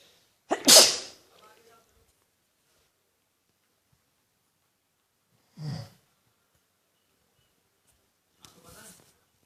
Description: I just learn how to sneeze so i am sneezing after my mother